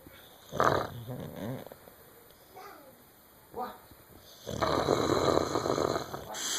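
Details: Snoring: irregular, noisy snoring breaths with a long rattling breath near the end, over quiet room noise.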